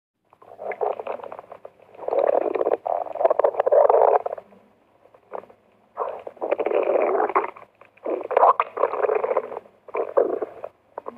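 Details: Borborygmi recorded from an empty stomach: repeated gurgling, bubbling rumbles in bursts over about eleven seconds, normal bowel sounds.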